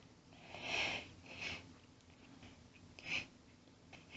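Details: Woman announcing her own very powerful sneezes: forceful, hissing sneeze bursts with sharp outward blasts of air, then a further sneeze in a quiet room.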